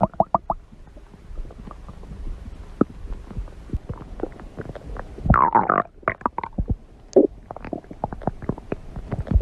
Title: My stomach growling fun #52